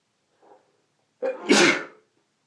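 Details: One sneeze from a set of six labeled (M): a soft inward breath followed by one explosive, hissing sneeze.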